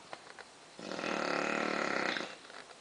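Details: Tired Bulldog laid out asleep after a rough day, tongue hanging out, giving one long, loud, rattling, buzzy snore of about 1.5 seconds; very loud snoring.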